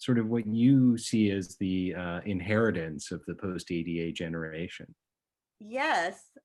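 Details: Adult male speaker; ordinary speech.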